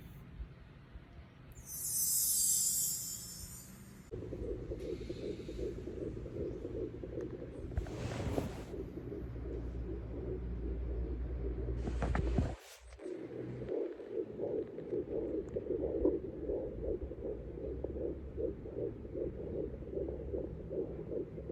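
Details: Fetal heartbeat at 12 weeks pregnant on an inexpensive home Doppler: rapid, rhythmic whooshing galloping beats, about 155–160 a minute, within the stated normal range of 120–180; a count of 124 is also mentioned.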